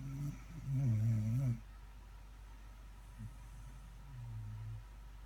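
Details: Sleeping dog snoring: a loud, low, groaning snore, then a fainter one, over steady engine rumble.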